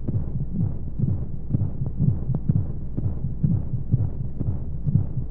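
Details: Womb sound sleep aid for babies: muffled, deep, regular rhythmic thumps under a steady whooshing hum of flow noise and white noise, imitating the womb; heartbeat.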